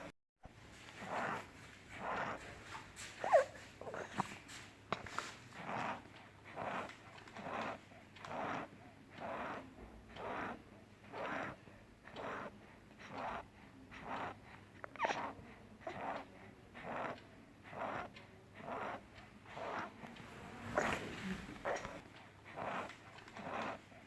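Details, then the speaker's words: 3-year-old child with pneumonitis, chest indrawing and fast breathing about 65 a minute; rough crackling crepitations and rales heard distinctly, attributed to accumulated mucus and bronchial spasm. "Hello friends, this was a video of 3-year-old child having neonitis, says enjoying variable with fast breathing, rales and capitation hard distinctly due to accumulated mucus and bronchial spasm."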